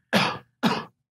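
Two short, sharp coughs from an adult, about half a second apart, with no wheeze or stridor.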